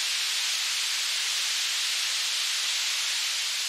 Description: An audiometric indispensable tool to determine your tinnitus frequency.